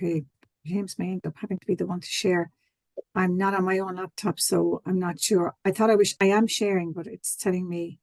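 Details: Adult woman speaking; Plain speech.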